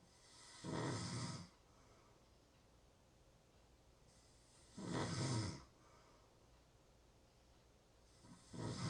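Rough snoring on each inward breath, about 14 a minute, separated by quiet pauses in a still room.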